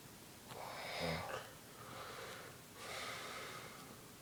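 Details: Adult man, the uploader's father, asleep and snoring: noisy breaths with one snorting, rattling inhalation, then softer breathing.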